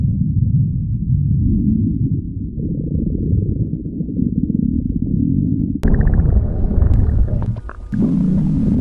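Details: Loud, long, low rumbling stomach growls with a moaning, drawn-out quality, then a sudden louder shift; borborygmi.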